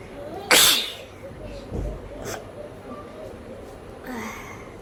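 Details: One sharp, explosive sneeze over steady room noise, then quieter breathing, during a nose-blowing sneezing challenge using paper; her eyes water and her nose runs heavily.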